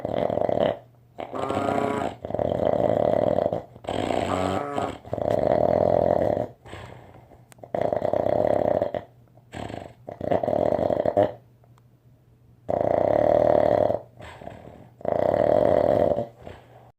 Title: Snore (who can sleep with that )